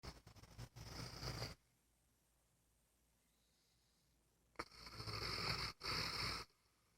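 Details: Female English Bulldog sleeping comfortably on her back in bed: noisy, rasping breaths with a snorting quality separated by quiet pauses; snoring.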